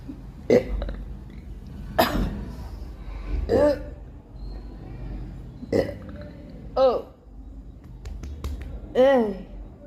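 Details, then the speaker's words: Six loud, drawn-out, voiced belches every second or two after drinking a cold fizzy soft drink on an empty stomach, with a feeling of bubbles coming up; burping. "It's bubbles. full of bubbles. I can feel it like from here it is coming up."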